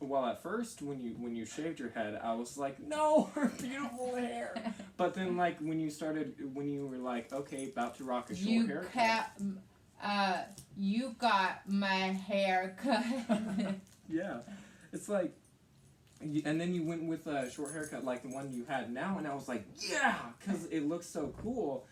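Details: Teenage boy; typical speech.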